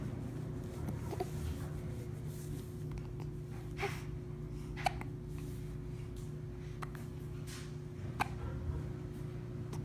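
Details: About four brief, sharp, irregular hiccups over a steady background hum; ordinary hiccups.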